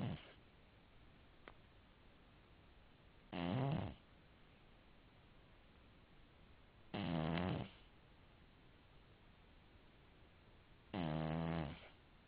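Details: Sleeping cat snoring softly and rhythmically, about 16 breaths a minute, in a quiet room.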